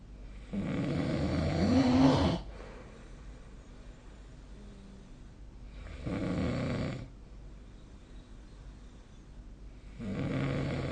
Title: 🐽 いびきの音 / Snoring Sleep Sound 2025/05/21